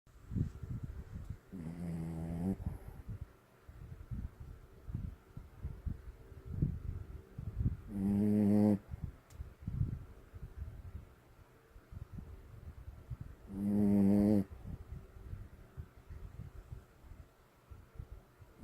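Three loud, rough, buzzing snores on in-breaths, roughly every six seconds, over quiet room noise; ordinary snoring.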